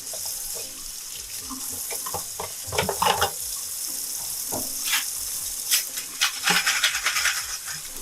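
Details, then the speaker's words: Dental instruments are taken out of the ultrasonic cleaner after 5 minutes and rinsed in a sink; running tap water splashing with light metallic clinks. "you're just going to take them out you're going to run them all through [Music] [Music] water"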